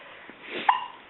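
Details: One of two individuals having "duelling" hiccups: a single short, sharp voiced gulp with a quick catch over quiet room noise; hiccup.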